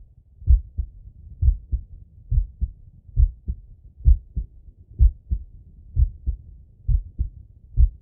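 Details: Male heartbeat heard on stethoscope auscultation: clear paired lub-dub beats at about 65 a minute in a regular rhythm, with breathing not distinct; normal heart sounds.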